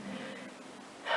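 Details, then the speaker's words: Stomach growling (borborygmi) from a person talking to camera, loud enough that she remarks aloud how intense it was. "you had to hear that stomach growling, right? You had to hear that one. That was fucking intense."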